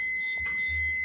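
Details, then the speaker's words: Defibrillator charged alert during resuscitation training for a shockable rhythm (VF): steady high-pitched continuous tone signalling it is charged and ready to shock; everyone must stand clear. "यहां नहीं ये charge है। उई की sound कर रहा है तो चार्ज है।"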